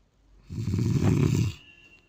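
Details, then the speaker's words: Sleeping person, described as sleeping very deeply: one loud, rough, rattling snore lasting about a second, then quiet; snoring. "सुन रहे हैं खुद तो सो जाते घोड़े beige के और मैं रात भर जगती रहती हूं रात भर जगती रहती हूं रात भर अब किसे नींद आएगी य ऐसा घुर की आवाज में इसे कहते हैं घोड़ा बेच के सोना"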